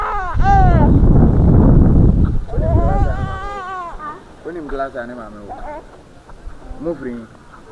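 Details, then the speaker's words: Loud, strained infant crying in rising and falling wails, then softer fussing, with voices nearby; the baby was brought into an exam hall to be breastfed by its teenage mother, who was sitting the BECE exam. "So there is a video online of a young girl who took a baby to the mother who is writing BC to breastfeed the baby because the baby was crying."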